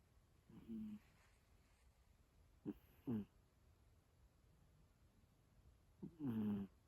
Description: A short clip of my cat Lila snoring.